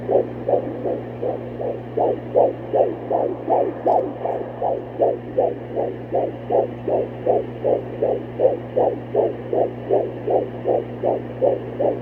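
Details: Fetal heartbeat on Doppler at almost 17 weeks of pregnancy: a rapid, regular whooshing beat at about 155 beats per minute, with a steady background hum.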